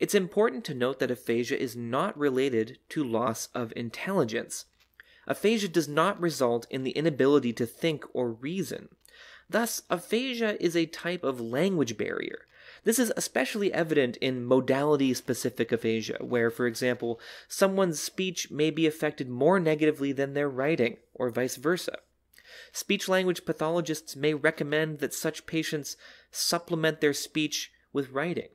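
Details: Adult speaker; normal speech.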